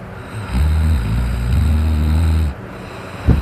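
One long, loud, deep rattling snore on the in-breath, then a quieter pause and a short snort; heavy snoring.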